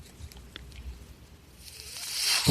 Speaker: That noise you're hearing is my ventilator.